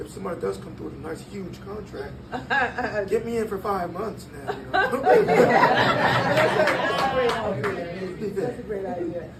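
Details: 22-year-old man born prematurely at about one pound, vocal cords having had to develop as he grew and still not closing all the way; breathy voice from incomplete vocal cord closure.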